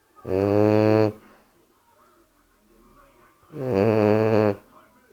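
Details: Sleeping bulldog asleep on owner's leg, snoring loudly: two long, loud, rattling snores about three seconds apart, each a deep buzzing tone; ordinary canine snoring.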